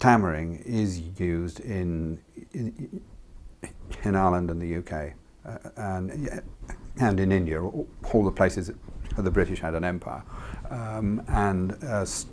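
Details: Adult man who has stammered since childhood and did not recover, describing it as neurological, beginning around age three; word repetitions heard; stammering (stuttering).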